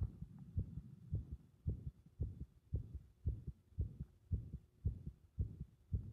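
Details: Compressed, muffled heart sounds with arrhythmia: low heartbeats around 110 a minute with uneven spacing between beats; irregular heart rhythm.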